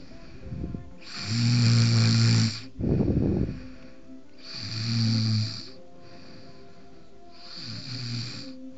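Loud, low rumbling snores with each breath in, plus a brief snort, about three snores in nine seconds; faint background music.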